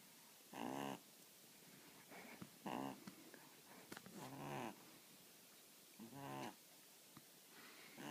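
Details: Snoring from Lucy, an 8-week-old puppy asleep on her first day home: soft, squeaky snores with quiet gaps between them.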